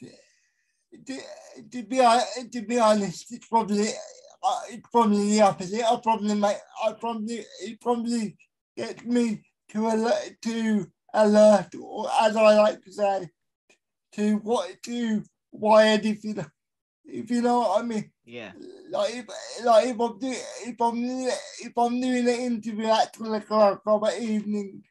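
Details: Adult male with a severe type of cerebral palsy; dysarthria in cerebral palsy.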